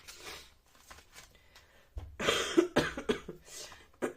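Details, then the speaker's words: Wet, productive cough from an adult in their early 40s, who describes the cough as a nasty, terrible chesty cough. "J'ai une toux grasse dégueulasse. Enfin bon, bref, vous entendez. C'est assez terrible."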